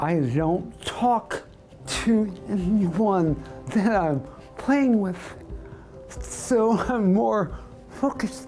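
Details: 55-year-old man with voice dystonia for about 2.5 years, a segmental dystonia of larynx, pharynx and probably tongue and lips, possibly after a viral illness with inborn tendency; holds a marker between his teeth; receives tongue Botox; voice dystonia (segmental dystonia).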